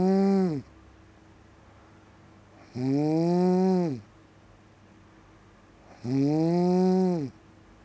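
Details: Loud, droning snores recurring about every three seconds (roughly 18 a minute) with quiet gaps between them: snoring.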